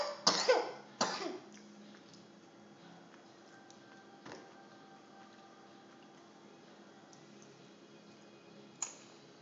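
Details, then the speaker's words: Sleepy toddler girl in a high chair at dinner, currently with a cough: two short coughs close together in a quiet room, then a single faint cough later. "Poor thing has a cough right now."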